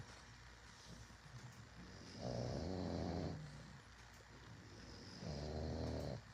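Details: Sleeping bulldog, a flat-faced breed, snoring: two loud, low rumbling snores about three seconds apart in a quiet room.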